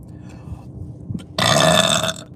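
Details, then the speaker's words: Single long, deep, loud burp lasting under a second from a woman burping uncontrollably, noted as a better one than the last. "oh there we go there we go that was a better one"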